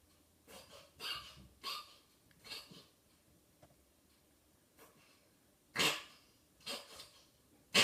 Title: Sneezing cat